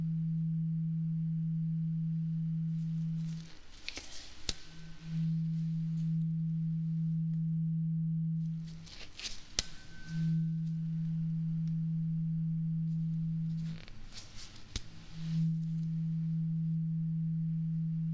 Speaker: So, what we're going to start with first is a tuning fork. Okay. So, I am just going to hit it and then you tell me when the sound stops.